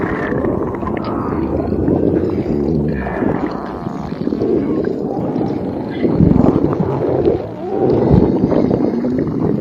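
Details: Empty stomach growling: continuous low rumbling gurgles with drawn-out squeaky, moaning tones rising and falling over about ten seconds; borborygmi.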